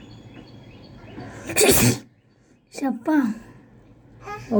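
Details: One sharp, explosive sneeze during a sneezing challenge, followed by voices and laughter in a quiet room; sneezing.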